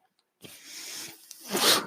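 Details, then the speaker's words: Mechanical ventilator sound from the speaker's own ventilator during a podcast: a brief airy hiss with a faint steady hum, then a louder rushing puff as the ventilator cycles. "noise you're hearing is my ventilator and welcome to page-turners they were not play storage podcast"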